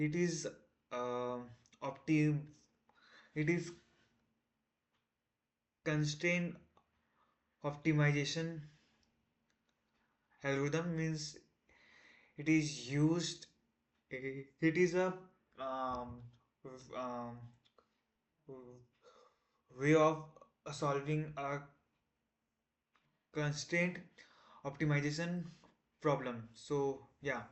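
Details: Male self-described person who stammers, day 1 of a 30-day stop-stammering challenge, trying not to stammer while explaining a math topic; stuttering.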